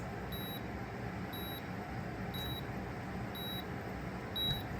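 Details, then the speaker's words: Five short, evenly spaced electronic beeps about one second apart over room noise, a digital thermometer signalling its reading done for an adult, reading about 100.6. "So that's why it's beeping. It doesn't end. So 100 if I still do have a fever."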